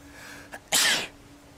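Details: A short catch of breath, then one forceful, hissing sneeze; a single sneeze.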